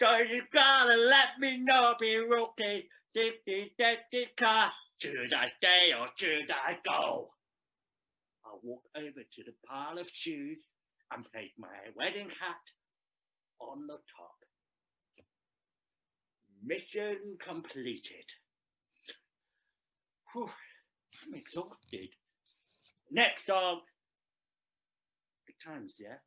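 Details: Deaf speech from a Deaf adult male actor performing a script about a deaf man who speaks.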